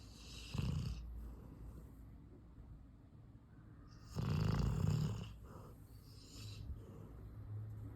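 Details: Labrador dog snoring like a human: low, rumbling snores on the in-breaths, two clear snores about four seconds apart, in a quiet room.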